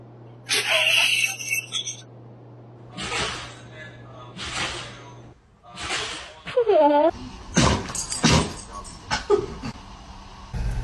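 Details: Several short, sharp, noisy bursts typical of dog sneezes, with a brief squeaky whine and faint background voices; pet dogs sneezing.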